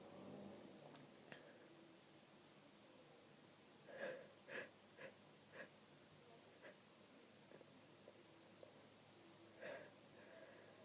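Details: Powerful sneezing fit from an adult with a head cold, stuffed-up and snotty, sneezing almost nonstop for 30 minutes: rapid short, sharp, partly stifled sneezes, about eight in ten seconds, with sniffly congested breathing.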